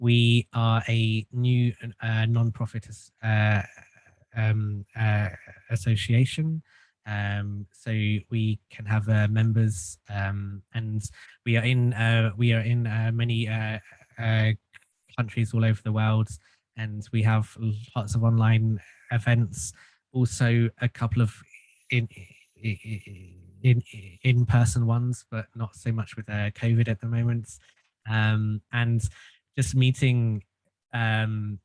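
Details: Stuttering in an adult male since childhood, treated with group speech therapy; stuttering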